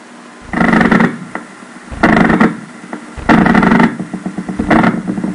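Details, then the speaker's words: Loud rumbling bursts about every one and a half seconds, each a run of rapid firing: myokymic discharge on needle EMG, spontaneous rather than voluntary. "Two overlapping discharges They are very close to each other, when the time base is changed."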